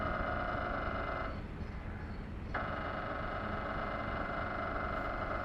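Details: Philips 1.5T MRI scanner recorded inside the scan room: loud steady mechanical buzzing and rapid knocking with a brief change in tone midway, typical of a running sequence.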